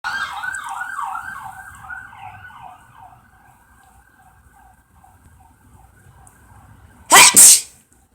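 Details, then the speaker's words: Person sneezing beside a pet cat, apologizing to it: a single loud, sharp, ordinary sneeze after a passing siren fades. "Hey, sorry for sneezing. Sorry, Lolo. Sorry, Milo. Sorry for sneezing."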